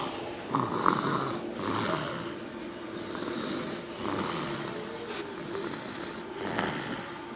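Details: 7-month-old sleeping with soft, uneven, light snoring breaths over quiet room noise; snoring.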